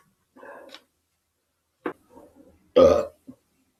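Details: Person burping: several short belches in a quiet room, the last and loudest a deep, throaty burp, ending with a small click.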